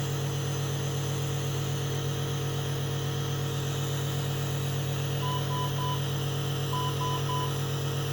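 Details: Nebulizer compressor running for a baby with Down syndrome in the NICU with wheezing, chest congestion and respiratory distress, who is receiving nebulizer therapy and oxygen support.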